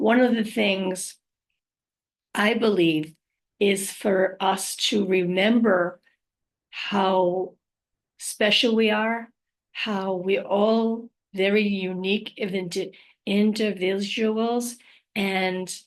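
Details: Adult living with aphasia, apraxia of speech and dysarthria after trauma such as a stroke, with word-finding difficulty; aphasia with apraxia of speech.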